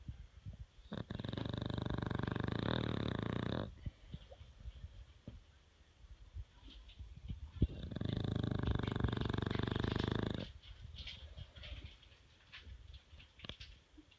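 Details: Two long, loud, rattling inhalations a few seconds apart with quiet pauses between; loud snoring.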